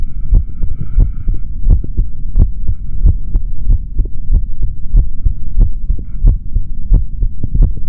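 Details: Male body sounds recorded through a stethoscope for ASMR, no talking: muffled, thudding heartbeat at roughly 90 beats a minute with rumbling body and handling noise; normal heart sounds.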